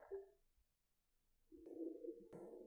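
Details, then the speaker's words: Pulsed wave Doppler of the main portal vein, scanned from a lateral or coronal approach to bring the angle near 0°, with the patient holding a small breath: a steady, low-pitched continuous whoosh of normal hepatopetal portal flow. "now that your main portal vein is at a good angle your Doppler should be nice and clear"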